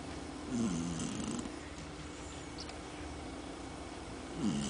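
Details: Brutus, a sleeping animal, snoring: low rattling snore at the start and end, with a steady quiet hum between.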